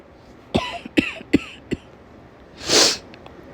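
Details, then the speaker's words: Acted cough of a woman role-playing a summer cold caught at a daycare: four short, dry cough bursts then a sniff or breath out, with blocked nose, while her back is patted to ease the cough. "Why are you patting my back? Oh, thank you. That helps to ease like a person's cough or whatever."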